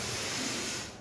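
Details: A steady, even hiss held at one loudness, a voiced imitation of a plateau-shaped murmur, used to teach murmur shape in a session on mitral and tricuspid stenosis.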